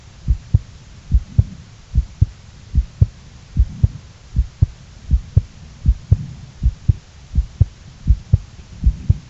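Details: Steady paired heart sounds, lub-dub, at about 77 beats a minute with a soft low hum behind.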